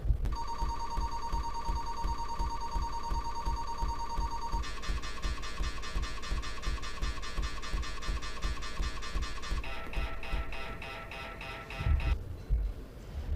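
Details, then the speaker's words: Noise inside an fMRI scanner: loud rapid mechanical beeping and buzzing tones changing pitch in blocks, described as loud, distracting and unnatural. "it's a it's a it's a loud noise that distracts you and does not let you focus that much. It's it's not that much natural."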